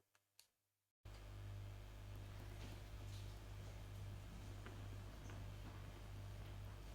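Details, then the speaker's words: Transcutaneous laryngeal EMG with a bipolar concentric needle in the thyroarytenoid muscle of a patient with unilateral vocal fold paralysis: near-silence, then a loud steady hum with continuous crackling and pops, showing muscle activation potentials. "As soon as you entered the needle into the TA muscle, you follow the sharpness and the sound of the act activation potentials of the muscles."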